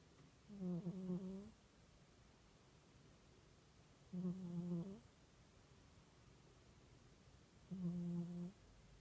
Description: Sleeping cat gently snoring away in the sun